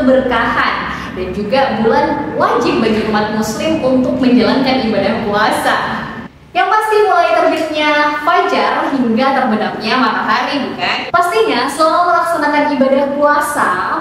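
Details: Adult woman speaking; Normal voice.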